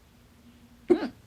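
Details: Stubborn fast hiccups blamed on too much salsa, lasting 30 minutes late at night; holding the breath failed until the fourth try: a single abrupt, loud voiced gulp with sharp onset, a hiccup.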